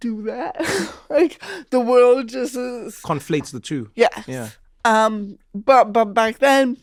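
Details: Real, unscripted speech from a woman comedian who has had cerebral palsy since childhood; her family remarked on her speech when she was about five. Dysarthria due to cerebral palsy.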